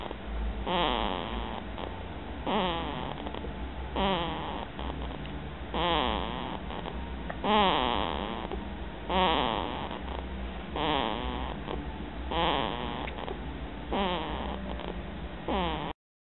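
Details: A cat snoring with regular wheezy, whistling snores, about 36 a minute.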